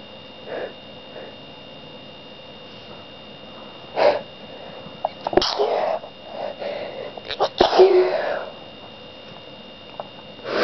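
Several sharp sneezes in close succession with sniffs and small breaths between them, in a quiet room.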